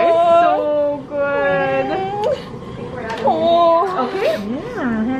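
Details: Newborn baby girl, first baby, born about 10 days overdue: wavering, high-pitched wails and whimpers in the first moments after birth, with adult voices nearby. This is a healthy newborn cry.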